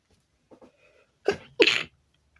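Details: Sneezing attack induced with chhinkni powder: small catching breaths build up to two loud sneezes in quick succession, part of a run of loud and stifled sneezes.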